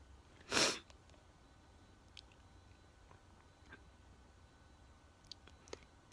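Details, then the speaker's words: One sharp, explosive, non-snotty sneeze (no tissue needed) from an adult sitting outside on a warm night, then faint sniffs and small clicks; sneeze. "i think it stopped when you folks i did get that sneeze not fully on camera but i did sneeze on camera good night folks"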